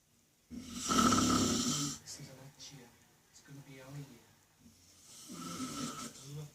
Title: Snoring dad